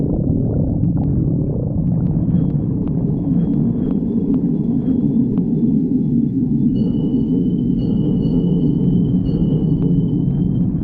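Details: Stomach growling (borborygmi): continuous low rumbling with squeaky, gurgling rises early on, faint steady high background whine.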